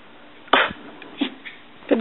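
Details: A dog sneezes on command, giving a sharp, explosive nasal sneeze followed by two softer snorting bursts.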